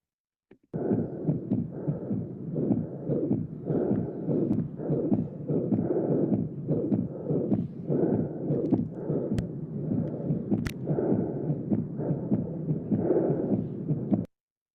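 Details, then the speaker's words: Auscultation example at the second left parasternal intercostal space (pulmonary area): repeated heartbeats with a rushing systolic murmur, characteristic of atrial septal defect; systolic murmur at the pulmonary area. "En este momento vamos a a escuchar cómo se podría auscultar un paciente con este soplo característico, eh soplo sistólico, recordemos, sobre el segundo espacio intercostal izquierdo para external."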